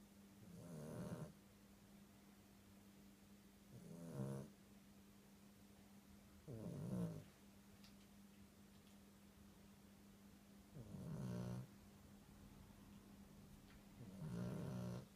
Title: Tired snoring Chi....